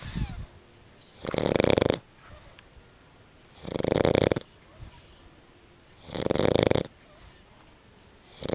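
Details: A sleeping female dog snores, three even rattling snores on the in-breath, about 24 a minute, with quiet pauses; she wakes at one point.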